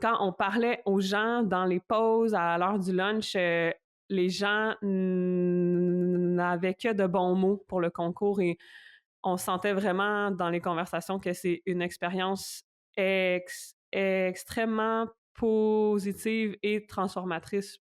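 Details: Stuttering in a French-speaking adult woman.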